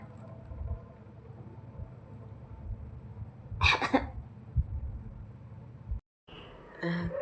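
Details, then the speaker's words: One short throat-clearing cough burst from an adult woman with fever, cough and a hoarse voice, who says she was treated in hospital the night before; quiet room noise. "ऐसा लग रहा है medicine खाती हूं तो ज्यादा बुखार आ रहा है। बुखार और खांसी। ये दो।"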